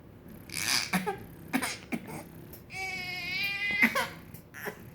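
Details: Infant with hiccups, crying: short fussy cries and whimpers with one sustained wail, broken by brief catches; infant crying.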